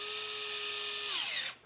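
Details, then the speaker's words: Steady high-pitched motor whine dropping in pitch and stopping after about 1.5 seconds: a drill for placing an IV directly into bone, demonstrated by military medical staff. "Technical Sergeant Brittney Pickkins demonstrates a kind of drill that's used to put an IV directly into a bone if much of an arm is missing."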